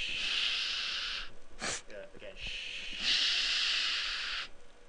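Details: Adult male with a small lateral velopharyngeal insufficiency persisting after attempted correction with a posterior pharyngeal flap; air escapes nasally during speech. Finding: velopharyngeal insufficiency with nasal air emission.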